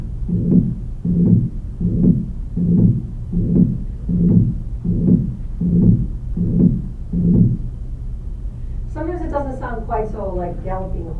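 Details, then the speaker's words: Recorded patient with mitral regurgitation: regular amplified heartbeats with a blowing holosystolic murmur, best heard at the apex, especially in left lateral decubitus, less harsh than aortic stenosis; brief voice follows. "okay here's um patient recording blowing holosystolic fix mm okay best heard the Apex they showing you there at the Apex and actually it's best heard in the left lateral decubitus"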